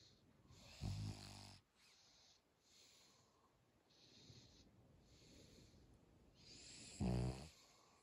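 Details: Sleeping dog: two deep, rattling snores separated by soft, hissing breaths; snoring.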